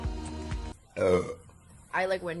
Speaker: Do you guys mind if I burp? Sorry, I >> rate that burp. >> Sorry. Thanks. I'm going to burp.